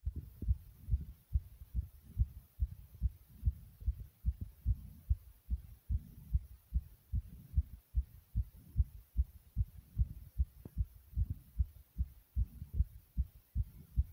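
Quick, regular low heart thumps at about 140 a minute; a fast heartbeat after exercise.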